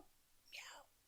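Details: Woman who has been sick, with a husky voice; she attempts to vocalize a meow and fails, showing aphonia; hoarse voice.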